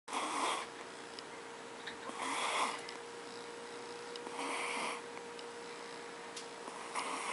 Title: Snoring Baby